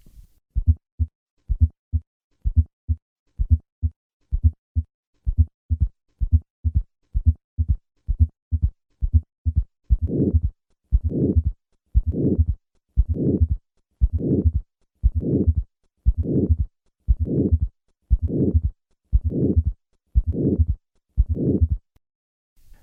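Steady heartbeat near 60 a minute with extra low sounds around each beat, then a harsh murmur joins every beat: aortic stenosis with third and fourth sounds.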